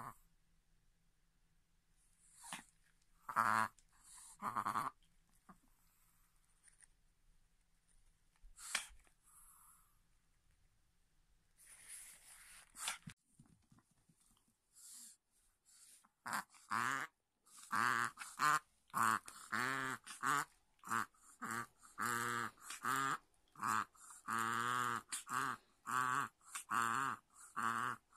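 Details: Pet Chihuahua with near-daily reverse sneezing, several times a day, before treats or meals or when starting play: rapid honking snorts on the in-breath ("boo-boo"), then a "keh" sound; cause unknown, fine afterwards.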